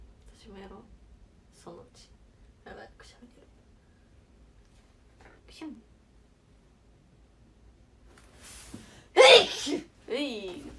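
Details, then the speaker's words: Young Japanese woman sneezing on a livestream, asking viewers about hay fever: quiet breathy speech and building inhalation, then one loud sneeze with a short voiced sound after it. "やばっ。ちょっとくしゃみが出る。"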